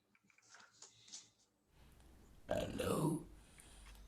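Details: Tracheoesophageal speech after laryngectomy, using a silicone voice prosthesis in a puncture between trachea and esophagus so that air vibrates the esophagus.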